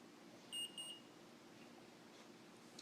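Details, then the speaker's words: Two quick high beeps in a quiet room from a new OmniPod insulin pump pod as it is filled with insulin through the fill hole, signaling it is filled and ready for the next step. "so now I'm filling my omnipod there's a little hole right here to the top and then someone goes into and you're going to hear it beep"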